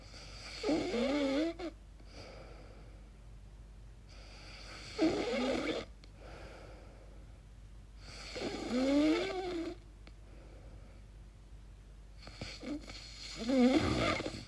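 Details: A person records their own sleep and wonders if it is snoring or sleep apnea: four loud, rough, droning breaths with a moaning tone, about 13 a minute, separated by quiet gaps.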